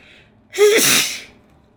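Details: A single sneeze while wearing a face mask: a brief voiced intake, then a sharp hissing burst slightly muffled by the mask. Sneeze.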